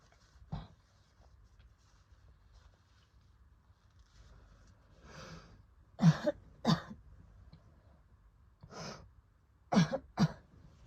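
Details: Adult coughing in sharp bursts, some paired, with noisy breaths between, during an asthma attack after recovering from COVID; real voice recording.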